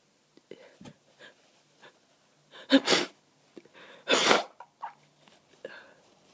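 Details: Adult with a cold, sneezing almost nonstop for 30 minutes, snotty and stuffed up: quick sniffly breaths build to two forceful sneezes with smaller stifled ones between.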